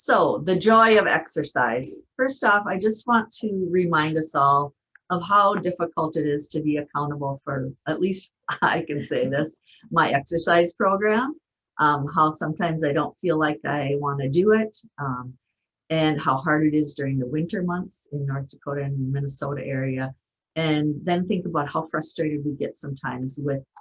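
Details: Adult speaker, lecture; normal speech.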